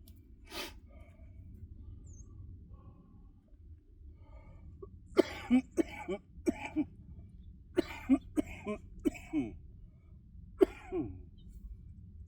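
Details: Productive cough from an adult with cystic fibrosis and lung function of 46%, during a back and biceps weight workout, winded and panting for air.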